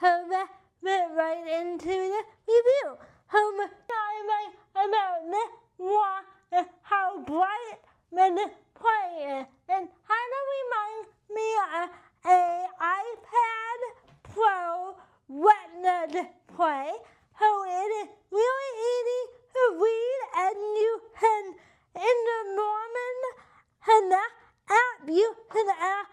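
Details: Adult with cerebral palsy and limited hand function; dysarthria (cerebral palsy).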